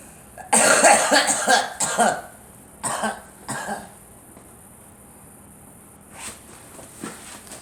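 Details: Girl coughing: a burst of several harsh coughs in quick succession, then a few softer coughs after a pause; a child's coughing bout.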